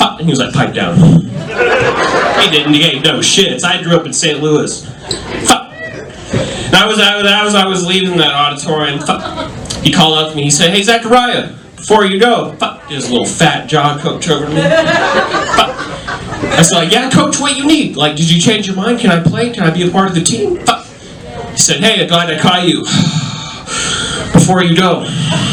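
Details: Adult male comedian with Tourette syndrome, a neurological condition causing involuntary utterances including shouted swear words and tic noises, performing live stand-up; Tourette syndrome (vocal tics, coprolalia).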